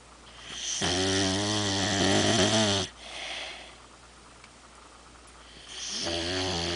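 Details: Sleeping overweight female dog: long, loud, buzzing snore on the breath in, a quiet breath out, then the next snore begins.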